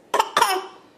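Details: Child's playful fake cough, two quick forced bursts, deliberately put on rather than from illness, while an adult jokes that it sounds like bronchitis.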